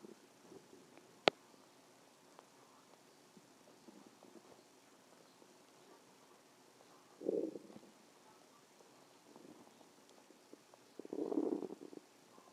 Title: stomach growling 3